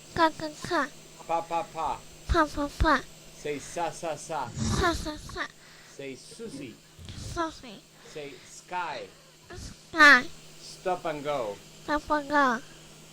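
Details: Girl about seven with submucous cleft palate, velopharyngeal insufficiency persisting after Furlow palatoplasty; nasoendoscopy pulsations suggest 22q11.2 (velocardiofacial) syndrome with medialized internal carotid: hypernasal speech with nasal air escape (velopharyngeal insufficiency).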